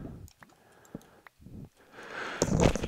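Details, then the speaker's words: Quiet keyboard and mouse clicks, then a single loud, abrupt adult sneeze near the end. "sure enough that was a sneeze all right i can identify my explosive noises that sounded worse i think than i intended"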